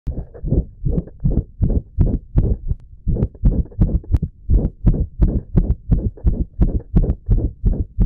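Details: Male's own heartbeat recorded during an episode he calls his heart freaking out, with ECG: rapid, deep heart thumps in close succession with slightly uneven spacing, an abnormal racing heartbeat.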